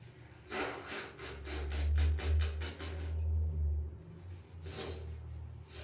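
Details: Person with dog allergy having a sneezing fit while hiding in a bathroom at a relative's home, face in tissues: rapid run of rough, snorting nasal bursts, then one more; background noise.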